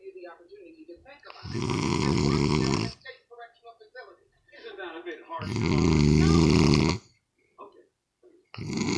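Two long, loud, rattling snores on the in-breath, with quieter breathing and mouth noises between them.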